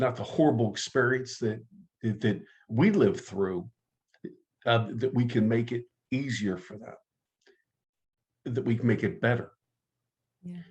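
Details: adult man who stutters, active in stuttering support community for over 25 years; stuttering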